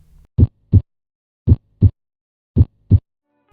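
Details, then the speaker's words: Educational example of normal heart sounds: three regular lub-dub pairs at about 55 a minute, S1 from atrioventricular valve closure marking systole and S2 from semilunar valve closure marking diastole. "the first heart sound is the loveb which is a closure of the atrial ventricular Valves and marks cyol the second heart sound is the dub which is a closure of the semi lunar Valves and marks diene"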